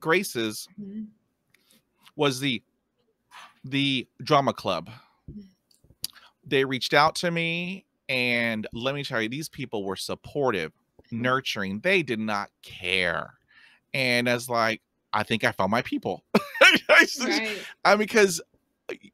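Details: Real stuttering in an adult man who stutters, heard while hosting a show about life with stuttering; stuttering.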